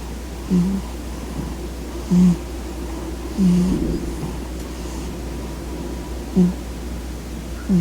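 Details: A cat asleep on its owner's legs in bed makes soft, brief low snorts at uneven intervals over a steady room hum: quiet, normal snoring.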